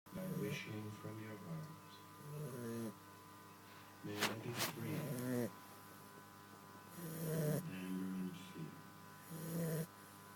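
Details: Sleeping female Staffordshire puppy, about 14–15 weeks old, snoring: rumbling, throaty snores on each breath in, about four in ten seconds, over a faint steady hum.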